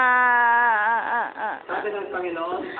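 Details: Baby crying: a sustained wail sliding down, then short wavering sobs with catching breaths.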